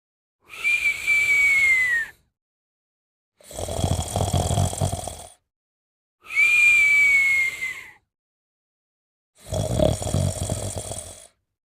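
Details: Sleeping snorer with alternating breaths: a high, falling whistle on one phase and a rough rattling snore on the other, about ten breaths a minute; snoring with whistling.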